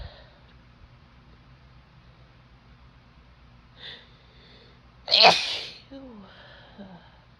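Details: Female sneezing with a cold: a short breath in, then one sharp, explosive sneeze, followed by a quieter sniff and nose sounds in a quiet room.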